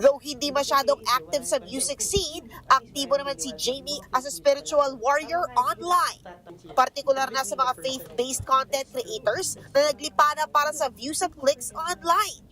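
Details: Adult female news narrator; normal speech.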